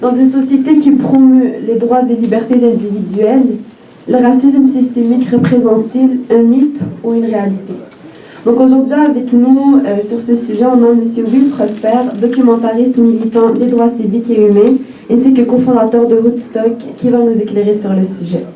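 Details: Adult woman speaking French; Normal voice.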